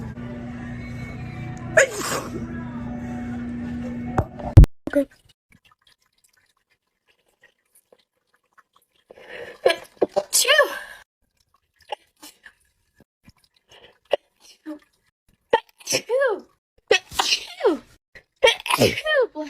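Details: Girl sneezing, from a sneeze compilation: one loud sneeze over a steady hum, a sharp click, then quiet with scattered short vocal sounds and breaths.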